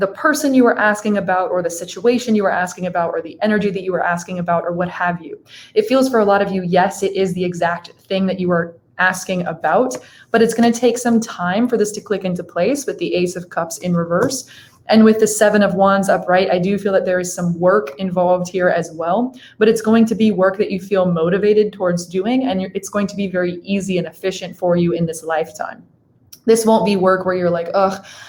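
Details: Adult woman speaking; Typical speech.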